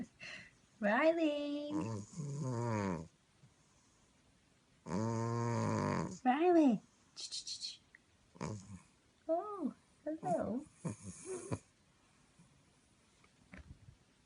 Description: Funny clip of my human sounding snoring cat